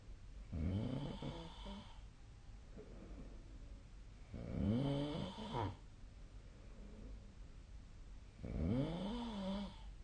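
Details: Snoring during sleep recorded 2025/02/11: three loud, rattling, vibrating snores on breathing in, about 15 a minute, separated by quieter breathing in a still room.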